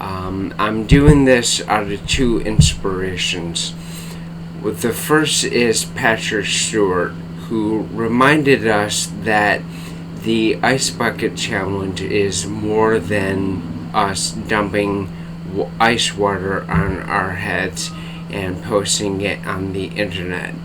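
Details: Dysarthria in an adult man with bulbar-onset ALS diagnosed April/May 2014, affecting speech and face, tongue and mouth muscles; tongue weakness, cannot speak rapidly, must take great care to speak clearly.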